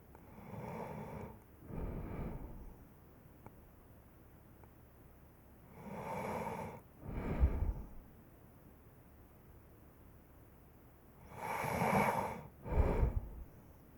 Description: 5 minute clip of snoring. Join me in my dream.